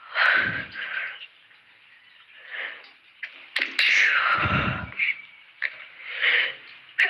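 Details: Self-induced sneezes from a person who has a cold: gasping in-breaths building to two or three sneezes, with sniffing between them.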